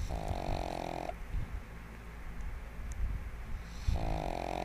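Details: Loud, humanlike snoring from a sleeping 1½-year-old female pug on her bed: two buzzing, vibrating snores with a quieter breath between them.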